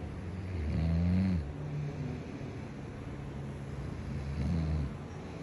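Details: Snoring caught on recording by a wife: two low, rattling snores about four seconds apart, each on a breath in, with quieter breathing and faint room noise between.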